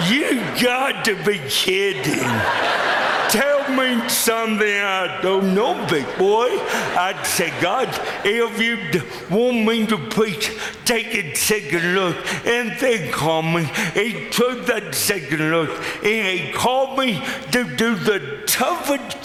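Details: Adult male with lifelong cerebral palsy; speech described as pretty dramatically affected and possibly difficult to understand at first, with forming words the toughest part for him; dysarthria (cerebral palsy).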